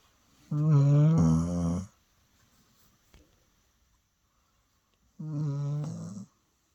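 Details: Two loud, low, buzzing breaths in about seven seconds, each a second or more long, with quiet between; snoring.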